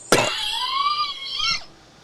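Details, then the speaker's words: Adult coughing for the last four days during COVID-19 illness: a single loud, forceful, harsh cough burst followed by a drawn-out, strained voiced sound. "I don't think they hear it, but we heard it. I think they'll hear it. That was a pretty loud fucking cough."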